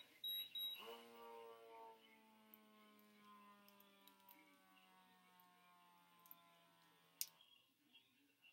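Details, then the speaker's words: Automatic blood pressure cuff on a 54-year-old woman during a cardiovascular assessment: start-up beeps, then steady motor hum falling in pitch as it inflates and releases; reading 145/93, radial pulse 100. "I also don't have a manual blood pressure cuff, but I do have an automatic one, so I am going to put it on and check her blood pressure."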